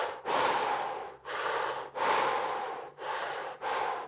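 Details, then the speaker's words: Loud, deep gasping breaths, about 36 a minute, after very narrow, restricted breathing in a man using a ResMed automatic CPAP, marked obstructive apnea with falling blood oxygen; gasping breaths after obstructed breathing in sleep apnea. "see how the breathing's got very narrow very restricted he's having some problems getting air and then all of a sudden there's some great big breaths here"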